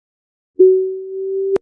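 A steady, low-pitched pure tone lasting about one second, with soft clicks at start and end: a low-frequency hearing test tone.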